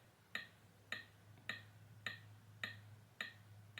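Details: PRESTAN AED UltraTrainer's CPR metronome after a simulated shock is delivered and CPR begins: regular sharp ticks at about 105 a minute pacing chest compressions on a training manikin; simulator sound.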